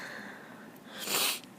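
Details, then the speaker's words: Young woman sneezing from allergies, nose itching badly: a brief breathy intake followed by one loud, hissing burst of air, a single sneeze. "Oh my god. Oh, God. Still have to sneeze."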